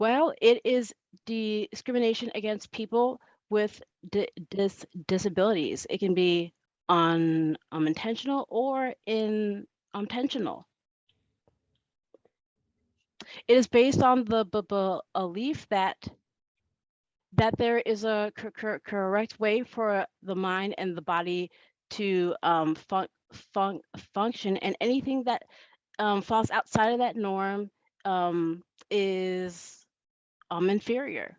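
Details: Adult woman who has stuttered since she could talk, with stuttering present throughout; phrase repetitions heard here; stuttering.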